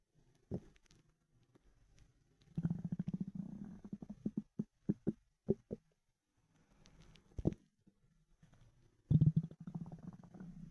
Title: Ravenous stomach rumbles